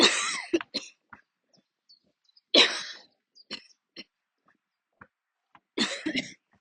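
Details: Coughing fit while walking outdoors, a recurring attack that usually forces the person to stop and sit or kneel: bursts of harsh coughing with throat clearing and short breaths between them.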